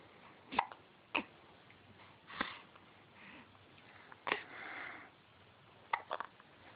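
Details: Person with hiccups: six short, sharp hiccups at fairly regular intervals over about seven seconds, with soft breathing between.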